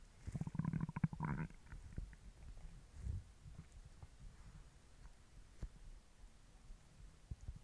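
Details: Stomach growling from hunger: a burst of low gurgling rumbles followed by quieter intermittent bubbling, normal borborygmi.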